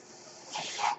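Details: Mechanical ventilator that a podcaster says is his own, audible during his recording: a soft airy hiss swells into a louder rush of air over half a second as a breath is delivered, one breath cycle.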